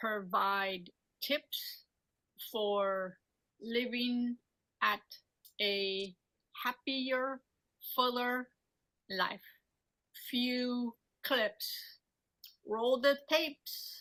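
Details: Aphasia after a stroke in a woman treated by speech therapy for talking, understanding, reading and writing; her speech is agrammatic with omitted function words.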